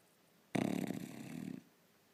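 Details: Snoring from a Bulldog sleeping upside down; snoring.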